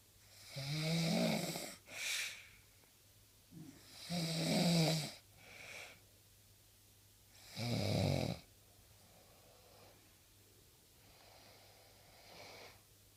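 Loud rattling snores on each breath, about 17 a minute, with softer sounds between; ordinary snoring.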